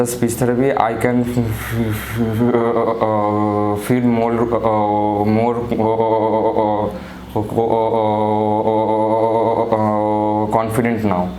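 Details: 24-year-old man with non-fluent speech since childhood, after one week of speech therapy for stammering, with prolonged, slowed speech: stuttering.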